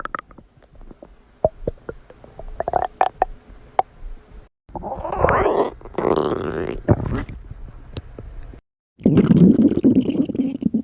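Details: Stomach growling with bowel sounds (borborygmi) from a 5-minute recording.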